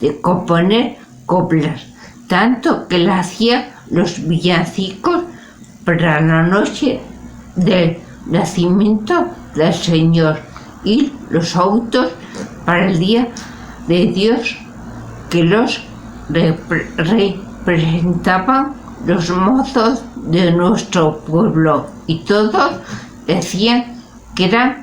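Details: Spanish-speaking adult with aphasia, a member of an aphasia support association, reading a literary text aloud in Spanish in a prerecorded reading; aphasia.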